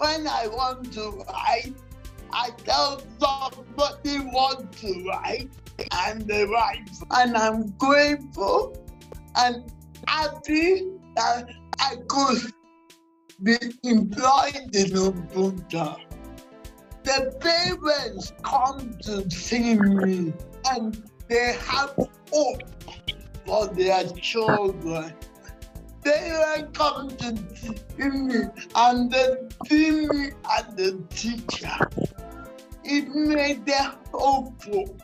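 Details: Dysarthria in a 47-year-old woman with cerebral palsy since birth, which presents through uncoordinated speech.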